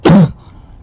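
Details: Close-up recording from 2014 of a person's own long-standing barking cough: one short, harsh cough burst with a low, hoarse tone.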